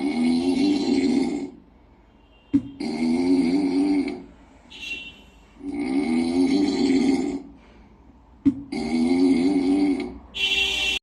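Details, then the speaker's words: Sleeping kitten snores in steady, buzzing cycles of about 20 breaths a minute. "Who on earth is snoring? I can't quite fall asleep."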